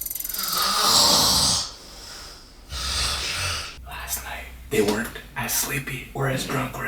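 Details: Adult sleeping on an office couch after being given alcohol and snacks, recorded with hidden mics for a snoring contest. Loud rattling snores with hissy breaths and snorting over faint room noise; heavy snoring.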